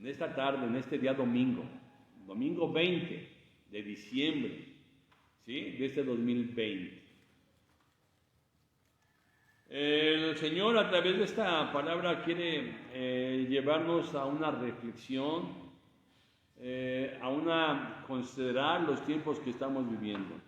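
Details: Stuttering in a male Spanish-speaking preacher who says he stutters, does not speak very well, and finds the microphone makes speaking harder.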